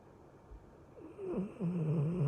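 A low, rough, rattling breath sound builds over two seconds, fitting a snore.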